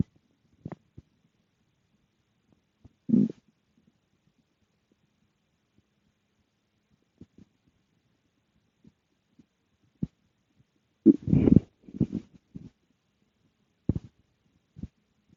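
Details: Scattered gurgles and rumbling bursts from the stomach after eating dinner, quiet room; ordinary digestive bowel sounds.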